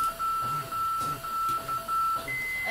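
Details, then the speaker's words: Simulated code-blue training scenario with a patient in ventricular fibrillation: defibrillator charging to 150 joules, a steady high beeping tone stepping up to a higher pitch at full charge, with low voices behind. "Okay, we're charging to 150. Okay, so he's going charging."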